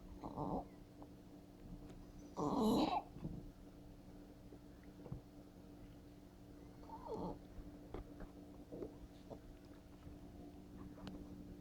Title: Cat Breathing Problem Laryngeal Paralysis